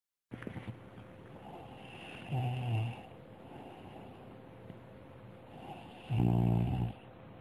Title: A snoring Goldfish.....?